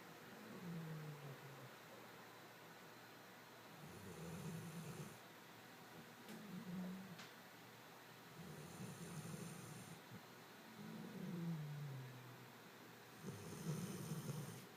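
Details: Snoring during sleep, disturbing someone's sleep for days: repeated low rattling snores on each breath, about four to five breaths a minute, some with a whistling edge.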